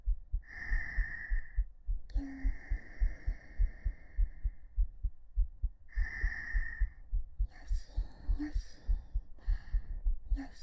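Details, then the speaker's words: Heartbeat ASMR recorded with a 3Dio binaural microphone during a hugging sleep-aid stream: steady heartbeat at about 100 a minute under soft whispering, pulse noted as slightly fast; heartbeat. "ちょっと脈早いよね。ちょっと早いね。"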